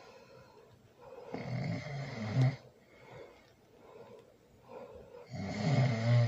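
Deep, rattling snores on breaths in, roughly 15 a minute, quiet in between; loud snoring during sleep.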